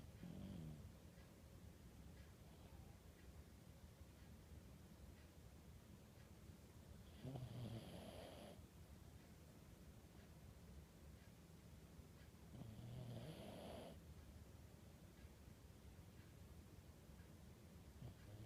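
Rumbling snores on each breath in, roughly 11 breaths a minute, over steady room hiss: ordinary snoring.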